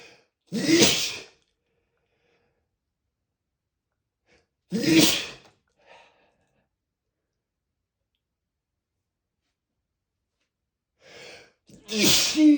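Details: Spraying sneezes in a male, not stifled: three loud, explosive sneezes spaced several seconds apart, the last led by a short intake of breath, in a quiet room.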